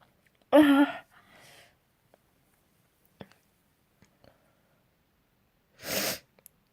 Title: Spring Sneezes